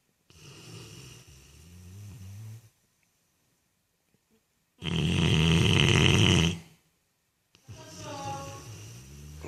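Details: Sleeping dog snoring: three drawn-out, rumbling snores separated by silent pauses, the middle one loud and harsh.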